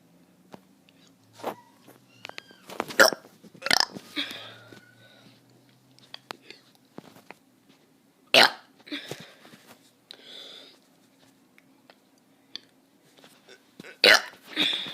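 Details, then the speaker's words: Several short, forced-sounding voluntary burps from a child, with quiet room noise between them. "hey guys i'm be doing some burps sry about my little sister if you he hey guys i'm be doing some"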